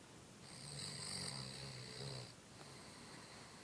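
A single long snore with a low rumble and a high whistling edge, then quieter breathing.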